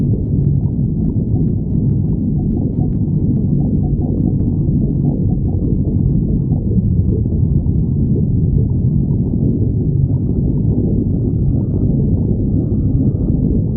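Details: A loud, continuous low rumbling and gurgling throughout: stomach growling, normal bowel sounds.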